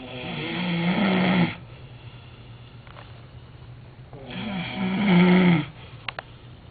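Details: Real snoring from a sleeping person: two loud, low, rattling breaths a few seconds apart with quiet between them; snoring.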